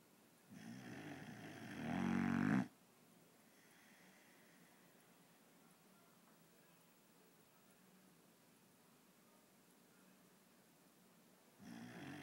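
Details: One loud rattling snore of about two seconds, a long quiet pause, then the next snore starting, recorded after a long walk; ordinary snoring.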